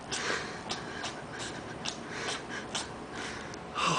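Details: Cat with a sneezing fit: a rapid run of short, sharp sneezes or snorts, about ten in four seconds.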